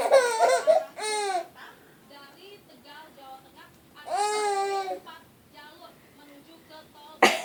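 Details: Mother's short coughs alternate with long bursts of loud, squealing infant laughter as the baby laughs at her coughing; an ordinary adult cough.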